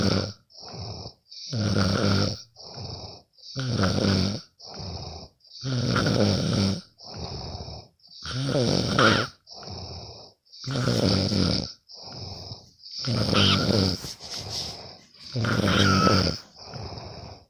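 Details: Friend recorded while asleep: loud, rattling snores on each breath in with softer breaths out, about 12 breaths a minute and steady: ordinary snoring.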